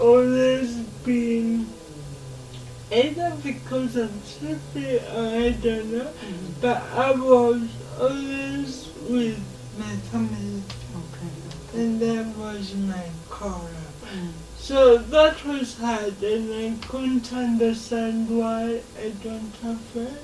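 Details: Dysarthria in an adult woman with lifelong cerebral palsy affecting her speech.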